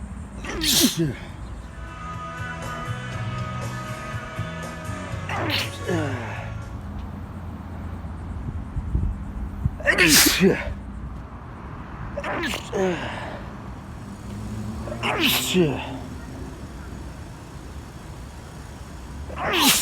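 Several sharp, explosive bursts with quick breaths in between, over background music; repeated sneezing.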